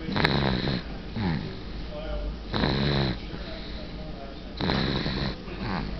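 Loud, rumbling snores on both breathing in and out, about five in six seconds, with a vibrating, throaty quality.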